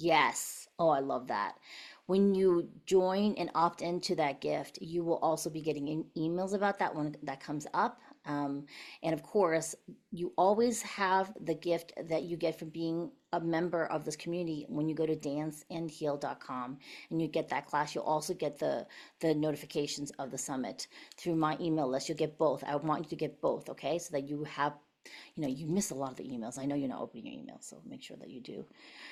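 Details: Adult woman speaking; ordinary speech.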